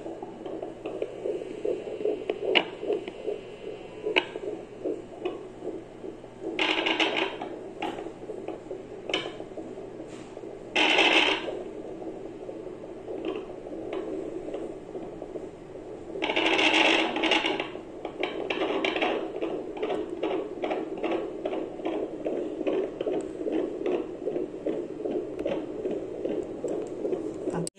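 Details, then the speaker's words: Fast, rhythmic whooshing fetal heartbeat on Doppler at a prenatal consultation, about 150 beats a minute, with static bursts; mother is pregnant with her third child. "é uma emoção que maravilhosa é escutar o coração do bebê batendo né"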